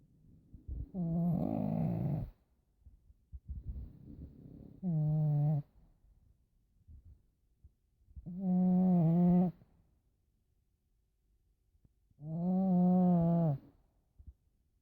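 Loud, low, rattling breaths repeating about 15 times a minute in a steady rhythm: snoring.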